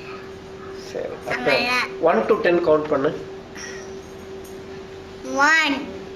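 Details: Definite velopharyngeal dysfunction in a child, with hypernasality, nasal air escape, nasal grimacing and articulatory errors.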